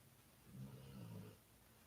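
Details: A single low, rumbling snore lasting about a second from a sleeping female dog, a soft vibrating breath: snoring.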